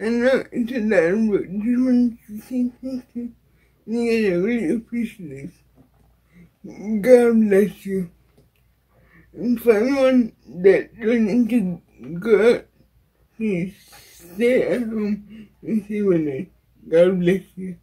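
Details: Dysarthria in a woman with cerebral palsy.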